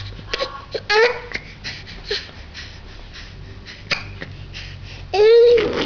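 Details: Infant hiccups while laughing and playing: short, sharp, voiced catches with brief cry-like sounds between.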